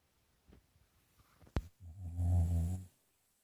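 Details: Boxer dog named in caption snoring: a sharp snort then one deep, rattling snore about a second long; woken by petting.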